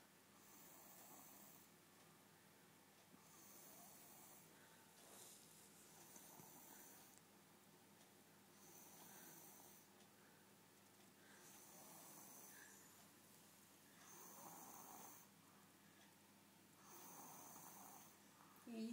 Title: snoring